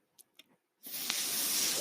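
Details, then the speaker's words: Mechanical ventilator used by the speaker, heard while they talk on a podcast recording: two faint clicks, then a steady loud airy hiss that rises and holds. "That noise you're hearing is my ventilator."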